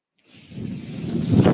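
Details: The speaker's own mechanical ventilator is audible in the background of their recorded Star Wars podcast: a mechanical ventilator breath cycle.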